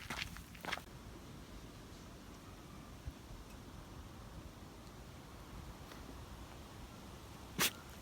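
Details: Miniature dachshund, black and tan, gives three short sharp sneezes, two close then one later, during an outdoor walk; sudden repeated sneezing unusual for him.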